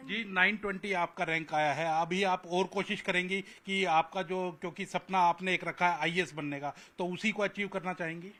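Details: Adult speaker; typical speech.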